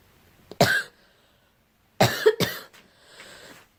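A child coughs three times: one cough, a pause, then two close coughs.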